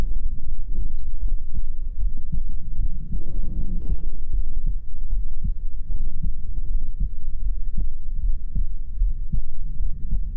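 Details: ASMR trigger-sound recording of a heartbeat: deep, muffled thumps at a steady pace of about 75 beats a minute, with a brief rustle.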